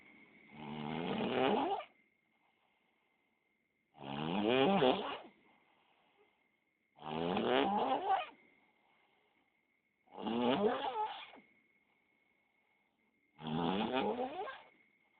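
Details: Person snoring in sleep, likened to a buffalo: loud, rattling snores with quiet pauses, about 19 a minute, steady faint background tone; heavy snoring.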